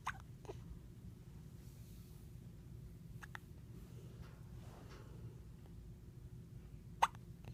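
Three or four brief, sharp, abrupt sounds spaced several seconds apart over low room hum; hiccups.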